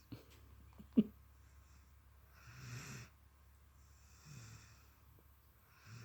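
Quiet, slow breaths with a soft rumbling snore on each breath, roughly every two seconds, in a quiet room; snoring.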